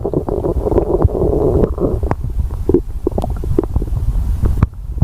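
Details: Stomach growling: loud gurgling and rumbling with bubbly pops and squeaks from the belly as gas and fluid move through the gut; normal bowel sounds (borborygmi).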